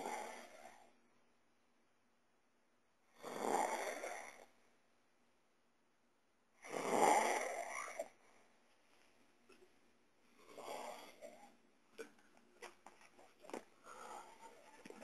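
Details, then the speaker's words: Brother recorded at 3 a.m. asleep, who claims he doesn't snore: rough, raspy snores on each in-breath, about 17 a minute, separated by silent pauses, with small clicks and rustles later; snoring. "E aí olha isso daqui gente isso é meu irmão roncando e olha que ele fala que não ronc"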